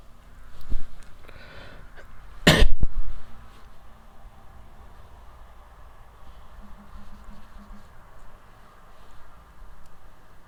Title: играю во что-то под шум с улиц и кашель